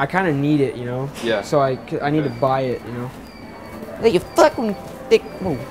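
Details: Man in an apparently staged prank who claims to have Tourette's and blurts out swearing outbursts while talking with a store employee. Acted vocal tics with coprolalia.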